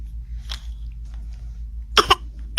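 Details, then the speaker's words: Toddler gives two quick, light forced coughs, a voluntary pretend cough while claiming to be sick and asking for medicine; the mother says it doesn't sound like a real cough. "It doesn't sound like a real cough to me, though."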